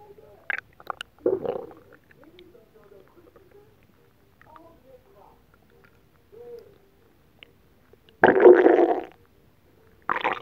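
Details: Borborygmi after eating a whole pot of Japanese nabe stew, recorded during belly rubbing and oil massage with a TV faintly audible: quiet squeaks and gurgles between louder rubbing or rumbling bursts.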